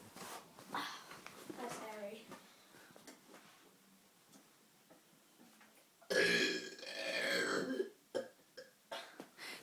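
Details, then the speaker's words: Boy doing deliberate burps on video, fast or deep: soft voice sounds, then a long, loud belch with short follow-up noises; burping. "But what we do is like you just keep on doing it really fast or you do it deep."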